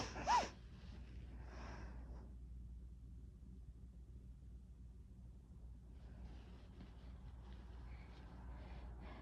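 One sharp, explosive sneeze at the start, then a softer breathy exhale and quiet room noise.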